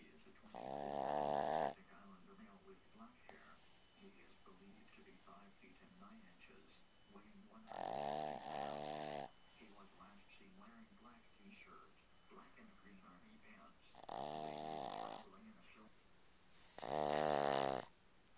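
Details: Boston Terrier dog snoring: four loud snores in about 18 seconds, rough rattling buzz on each breath in, quiet breathing between.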